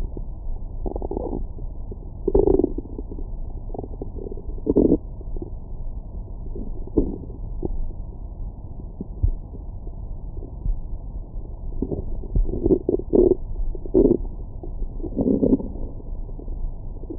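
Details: Stomach growling recorded after a large meal with a Stemoscope stethoscope microphone: intermittent low gurgling bursts over a steady muffled background, normal bowel sounds.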